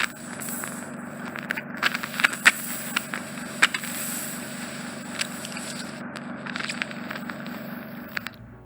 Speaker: how do you like the sound of wet earwax being painfully removed with a suction tool from someone’s ear canal? It’s so thick that the doctor can only suction bits at a time.